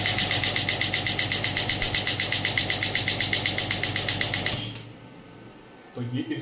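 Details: Biotronix pneumatic radial extracorporeal shockwave therapy (ESWT) device with ultrasound (premium model) being demonstrated. It fires rapid, even clacking pulses at about four per second, then stops and the room goes quiet.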